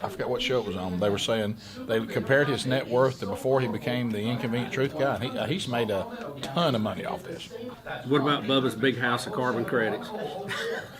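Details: Adult male speaker; normal conversational speech.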